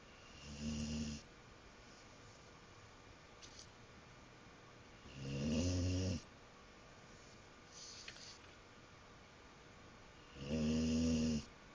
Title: snoring